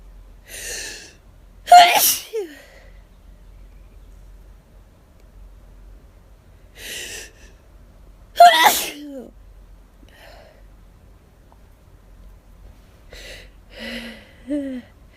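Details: Hay fever sufferer out of medication, itchy and lightheaded; breathy wind-ups followed by two forceful sneezes and a softer third attempt: a rapid, intense sneezing fit.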